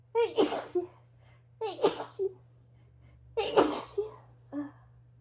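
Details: An adult sneezes three times loudly during a bout of sneezing and nose-blowing, each with a voiced wind-up and explosive burst, followed by short sniffs and snorts. Whether it is allergies or a cold is uncertain.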